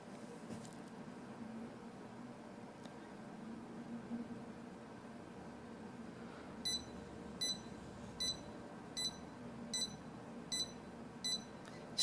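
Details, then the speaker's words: After several seconds of quiet room hum, a Contec CMS50D+ fingertip pulse oximeter beeps steadily with each pulse of the reviewer's finger, about 78 per minute. "so P sound is your pulse sound so it'll actually beep with your pulse"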